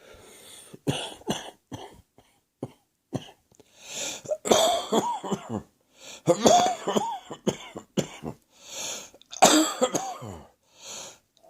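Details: Adult coughing at night, cough said to be heading for the chest: repeated bursts of deep, harsh coughing separated by audible breaths in, quiet room.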